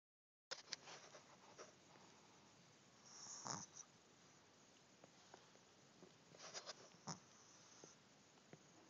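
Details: Sleeping Shih Tzu dog snoring: short, raspy, grunting snorts at irregular intervals like a little pig oinking, quieter after he woke and fell back asleep; snoring.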